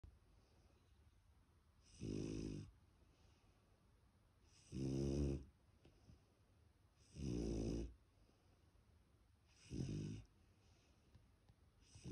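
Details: Sleeping puppy snoring: four regular rattling, low-pitched snores on the in-breath, about 24 breaths a minute, with quiet pauses between.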